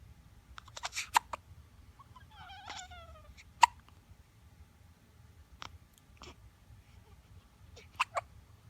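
Several brief sharp hiccup-like bursts at irregular intervals, with a short vocal squeal between them; hiccups in a quiet room.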